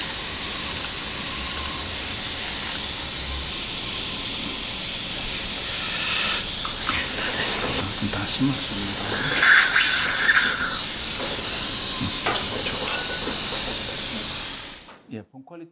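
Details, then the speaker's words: Dental implant motor during fixture placement at tooth #16 in a 63-year-old man, using a OneGuide template after a final 4.5 mm drill in poor-quality bone before palatal GBR: steady high-pitched hiss, varying motor whine and suction noise. "final drill is going to be done up to 4.5 fixture installation is going to be done"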